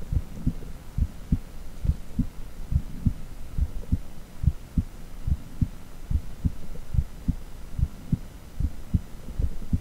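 Steady low thumping heartbeat at roughly 70 beats a minute over a soft hum, heard through echocardiogram ultrasound audio.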